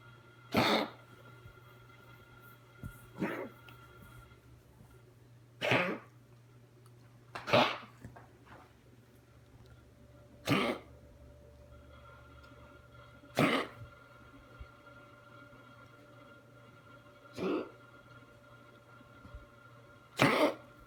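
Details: Dog coughing, recorded January 2017: about eight short, harsh coughs at irregular intervals over twenty seconds, with a steady household hum behind.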